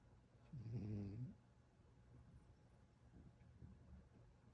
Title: Tito The One Eared Rescue Cat Who Snores